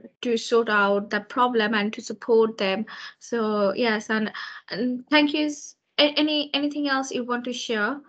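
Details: Adult woman speaking; normal fluent speech.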